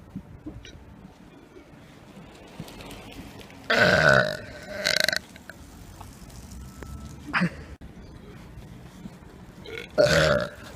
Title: Burping In Public Prank 2 (GONE RIGHT)